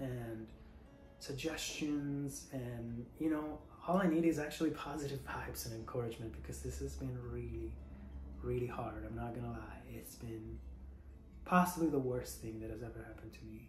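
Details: Adult female singer recovering from Covid-19 with bilateral pneumonia (tested positive March 3); she cannot currently sing and feels her vocal cords are not fully closing; voice breathy versus her usual resonant, projected voice; breathy voice (dysphonia).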